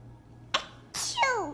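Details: An infant's playful imitated sneeze: a short breathy intake, then a noisy burst ending in a voiced sound.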